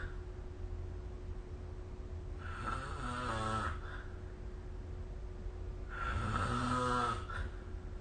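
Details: Recorded with the SnoreLab app: two low, rattling snores on breathing in, a few seconds apart, over a steady room hum; ordinary snoring.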